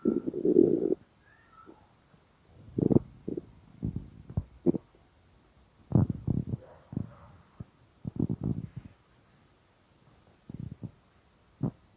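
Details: Weird stomach sounds: irregular gurgles, squelches and low rumbles in short bursts separated by quiet gaps; active bowel sounds (borborygmi).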